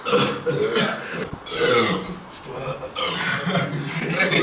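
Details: Long, loud, voiced belches from an adult man, rough and resonant, in several sustained bursts: belching (eructation).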